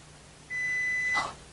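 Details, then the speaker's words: Single steady pure-tone audiometer beep, about three-quarters of a second, during play audiometry for a young boy with recent ear infections, who places a peg in a pegboard on hearing the sound. "take a block I'm going to hold it up to our ear and listen and when we hear a sound we're going to put the pig in"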